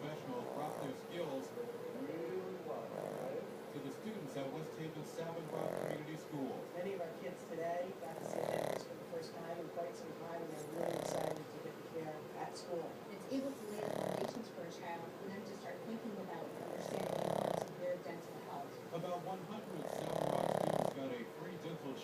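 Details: Snoring in a sleeping female pug that won't wake even for a treat and snores with her eyes open: loud, rattling snores every few seconds, about 20 a minute, over a steady background hum.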